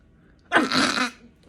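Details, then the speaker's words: Acted comedic "British internal sneeze" with a cold, simulated not real: one short explosive voiced burst about half a second long; sneezing. "obviously sneezing no longer possible you need to learn the british internal sneeze"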